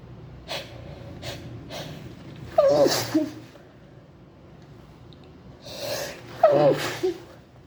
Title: AHH.. CHEW, SICK, VARIETY SNEEZES. #allergies #cantstopsneezing #sneezing #imgonnasneze